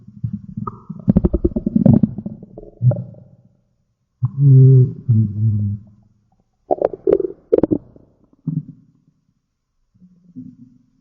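Low, drawn-out gurgling and rumbling bursts with pauses between them; ordinary stomach growling from gas and fluid moving through the gut.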